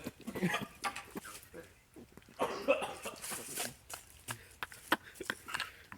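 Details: A child who ate a tablespoon of cinnamon in the cinnamon challenge, vowing not to cough, gives a run of harsh, sputtering coughs with gasps after inhaling the powder; cough from irritant inhalation.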